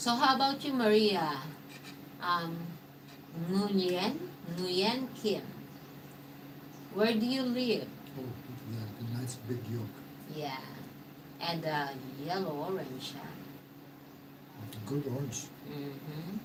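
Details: Man, 115 days into self-therapy for mild aphasia after a mild stroke; hesitations and sentence restarts; aphasia after mild stroke.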